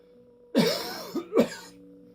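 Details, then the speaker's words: An adult with constant phlegm production and a blocked throat that coughing does not clear: two harsh, congested throat-clearing coughs. "I've still got this constant production of fleg mucus in my throat. So always it's blocked, vastly blocked and it won't come clear with coughing necessarily."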